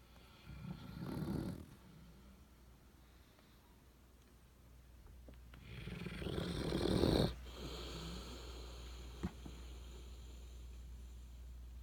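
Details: Pug (and Neo) asleep; two rough, rattling snores on inspiration with quiet breathing between and low room hum; snoring.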